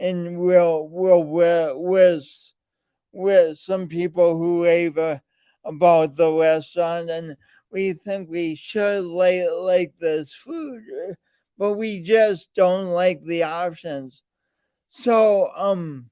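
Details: Man with a speech impediment present since birth, alongside lifelong coordination issues; speech impediment.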